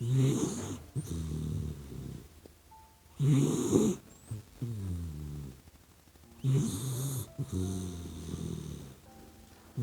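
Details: Sleeping puppy dog snoring like a human; slow, steady rattling snores on each breath, about 19 a minute.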